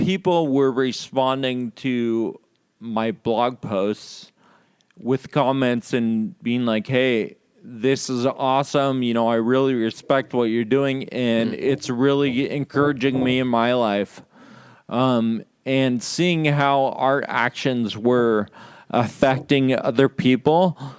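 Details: Podcast host with Friedreich's ataxia, who says slurred speech is a symptom of the condition and can be heard in their talk; ataxic dysarthria.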